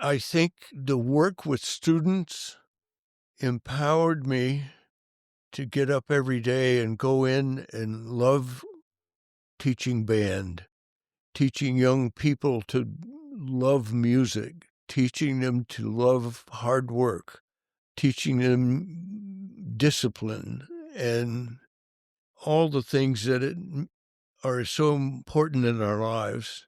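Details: Adult male band director with stuttering that was severe when young and persists, once described by a prospective employer as a slight stutter; stuttering.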